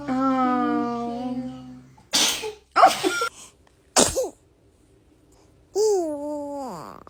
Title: kids sneezing